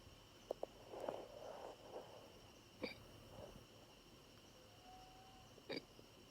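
Quiet room with a few brief, sharp, separate bursts at irregular spacing, consistent with hiccups.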